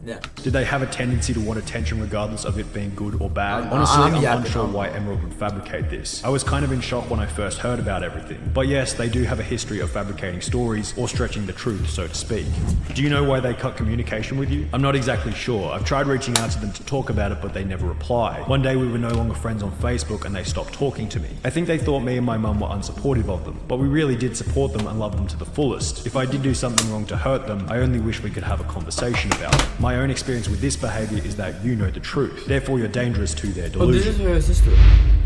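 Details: Adult narrator; normal speech.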